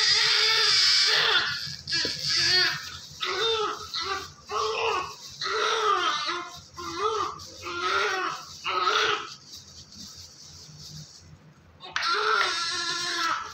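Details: Newborn male baby just delivered by LSCS (caesarean), active and covered in vernix: strong, repeated crying bursts with brief pauses, staff talking in the background; vigorous newborn cry.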